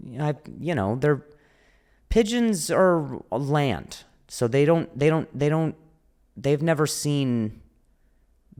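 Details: Adult male comedian who stutters (speech impediment), speaking on a podcast; audible repetitions; stuttering.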